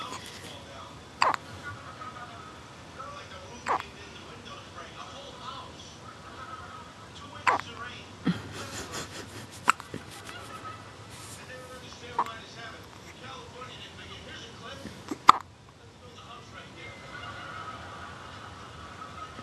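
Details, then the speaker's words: Baby girl with hiccups: short, sharp hiccup sounds recurring every two to three seconds over quiet room noise, with soft voices in the background; infant hiccups. "Someone has the hiccups."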